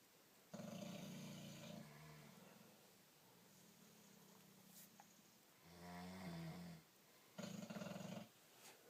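Three loud, rumbling snores on inhalation with quieter breathing between; a sleeping dog's snoring.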